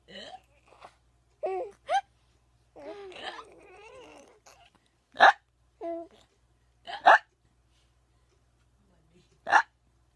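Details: Several sharp, abrupt hiccup catches at irregular intervals between soft babbling and talk.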